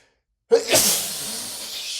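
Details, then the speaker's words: Male with a sneezing fit who tried to stop the sneezes by holding a finger under his nose: one loud, explosive sneeze with a sharp intake and a long hissing release. "I'm so tired of sneezing so much. But I'm I I'm going to sneeze again."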